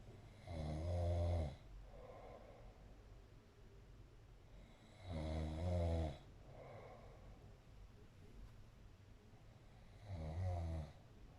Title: snoring away 🤣